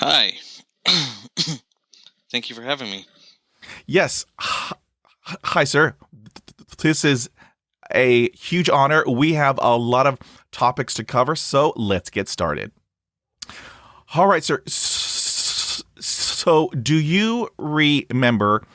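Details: Adult man who has stuttered since about age 3, with onset around when he developed Lyme disease; full-blown by middle school, now somewhat controlled with bad days or weeks; briefly closes eyes to ease blocks and repetitions; stuttering.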